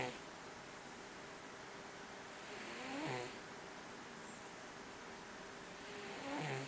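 Soft, low rumbling snores, about 19 breaths a minute, over steady background hum; gentle snoring in a sleeping cat.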